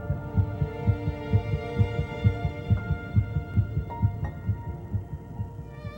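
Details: Fast, regular soft thumping heartbeat at about 130 a minute over music, presented as an embryonic heartbeat detectable from 22 days (3 weeks 1 day) after fertilization; educational illustration, not a specific recording.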